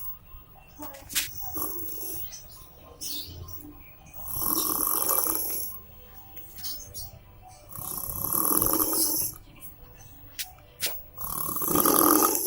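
Loud, rough rattling snores on each breath in, about three in twelve seconds, with quieter breathing between.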